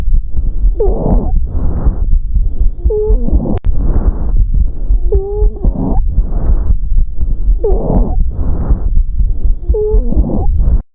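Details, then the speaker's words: Wheezes in an asthma attack due to bronchospasm of airway smooth muscle: breath sounds with high-pitched, musical whistling tones. "os sibilos são característicos da crise de asma os sibilos são característicos do broncoespasmo da musculatura Lisa que está presente em crise de asma"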